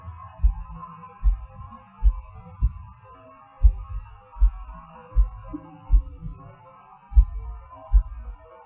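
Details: Recording of own heartbeat with PVCs/PACs: low thumps near 78 a minute, uneven spacing, pauses and early extra beats over faint hum; irregular heartbeat with premature beats.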